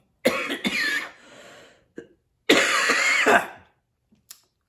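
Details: An adult who says they have been extremely sick over the past week gives a few harsh, dry cough bursts in two short bouts with a throat-clearing quality.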